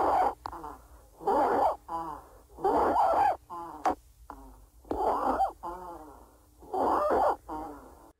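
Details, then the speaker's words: Stridor: loud, intense, high-pitched, monophasic crowing noise with each breath in, about 30 breaths a minute, from upper (larger) airway obstruction, more common on inspiration. "Strider is a Latin term which means to Creek so it's a very loud intense sound it's monophasic and it's more commonly as heard on inspiration so let's have a quick listen to what Strider sounds like"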